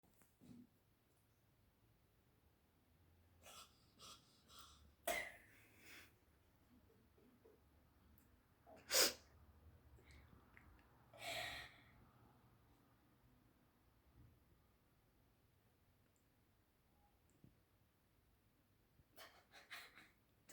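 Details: A black cat deliberately pushes its head into a handbag and gives several short, sharp, hissing cough-like bursts, close to sneezes, in a quiet room: cat cough.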